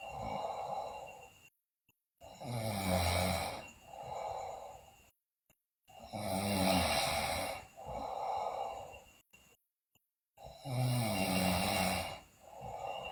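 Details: Loud rhythmic snoring in a sleeping girl, about 15 breaths a minute, harsh rattling inhalations and shorter hissing exhalations with silent pauses; also noted bruxism and delirious sleep talk.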